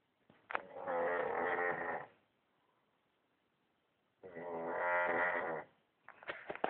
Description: This goes on for hours